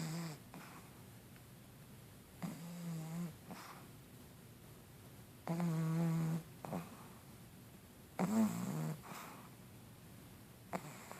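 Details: A sleeping pug gives honking, buzzing snores on breathing in, about three in ten seconds, with snuffly breaths between them; snoring.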